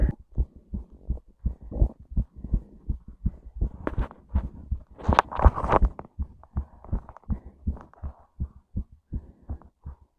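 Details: Fast, steady thumping heartbeat, roughly 160 beats a minute, with a brief noisy burst midway; a rapid heartbeat.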